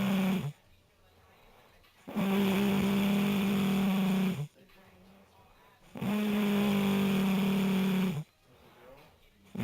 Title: Snoring